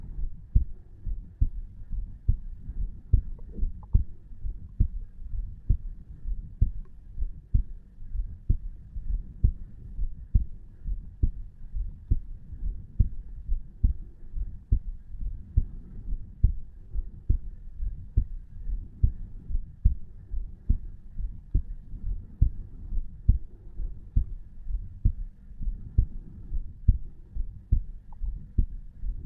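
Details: Steady low heart thumps at about 60–70 beats a minute from a 34-year-old man lying in bed at night at rest, self-recorded over the tricuspid valve: normal heart sounds.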